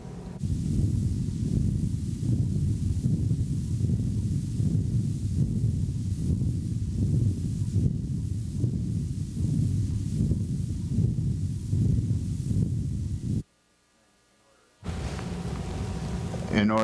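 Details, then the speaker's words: Arteriovenous fistula bruit over the right jaw in a patient with a congenital vascular anomaly of the infratemporal fossa fed by the carotid artery, with lightheaded spells: a continuous low whooshing gush overriding heart sounds, pulsing about 77 a minute. "between the normal heart sounds there is a gush uh that is sort of overriding uh the entire uh sound series and it represents the communication between the arterial side and the venous side through a fistula"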